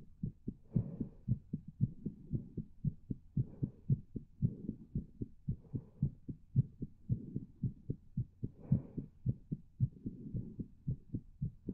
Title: My Pleasure Heartbeat